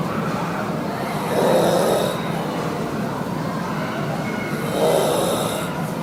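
Two loud, rough, rattling breaths about 3.5 seconds apart, roughly 17 a minute, over steady noise; heavy snoring.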